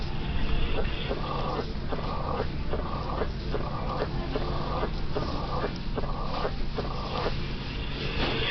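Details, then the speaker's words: Uniform, low-pitched diastolic rumble at the apex, heard through the bell over regular heartbeats, in a patient from West Africa; mitral stenosis murmur, likely from childhood rheumatic fever. "Really only one thing can do this: mitral stenosis. Why is it relevant that the patient is from West Africa? Because the most common cause of mitral stenosis by far is childhood rheumatic fever, a disease rare in the developed world of the 21st century."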